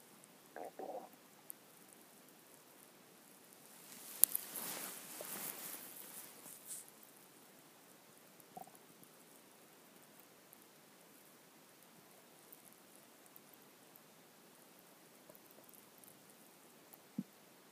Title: Stomach growling 2